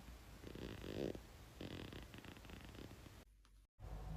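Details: Stomach growling (borborygmi) from a young blonde woman's belly, in a compilation of short clips.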